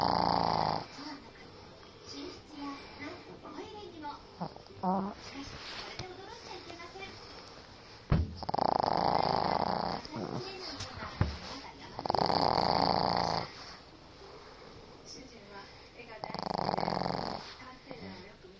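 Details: Pug named Ume, a small flat-faced dog, sleeping at the family home: loud, rough snorting snores every few seconds with quieter snuffling breaths between; snoring.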